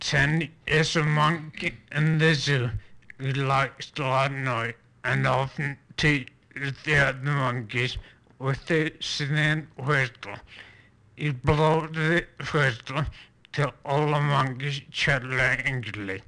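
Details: Speaker reading a standard passage as an educational demonstration of spasmodic dysphonia; spasmodic dysphonia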